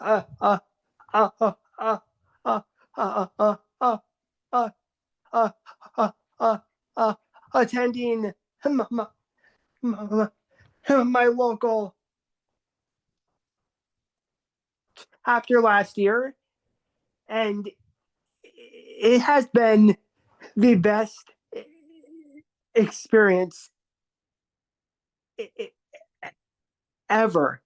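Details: Adult man, a formerly covert stutterer in a stuttering support meeting, with severe syllable repetitions on 'co-' and repeated blocks; stuttering.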